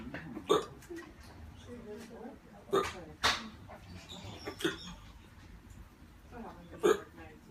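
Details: Adult male on day 8 of constant hiccups, later starting to have a hard time breathing and going to hospital: about five sharp, abrupt hiccups at irregular intervals over room noise; persistent hiccups.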